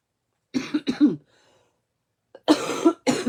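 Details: Two clusters of harsh, fairly dry coughs, about five bursts in all, from an adult woman during a live card-making demonstration; she apologizes afterwards.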